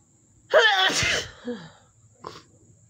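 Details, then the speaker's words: One loud, tickly sneeze in a dust-triggered sneezing fit, with a drawn-in voiced build-up and forceful release, then a short sniff; the nose had been itchy all day. "I know some people like the messy look, or now this is from Dust. It's my nose has been itchy all day. Finally, I feel like I'm getting some of this tickle out. These are very tickly sneezes."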